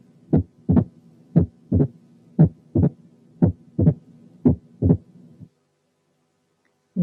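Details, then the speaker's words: Opening snap, heard as a sharp, snapping extra sound just after the second heart sound in a slow regular rhythm. It sits farther from S2 than the components of a split S2 and closer than an S3. "في لها كاركترستيك تانية، وهي إن السناب اسم على مسمى، يعني سنابي، يعني بالطرقع. نسمع بقى opening snap."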